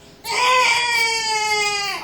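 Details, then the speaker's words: A hungry newborn during a hearing test with a soft rapid clicking stimulus, just taken from mother, gives a single strong, sustained cry under two seconds. "no he is not happy I'm sorry I know you're not with mom anymore it's all right sweetie"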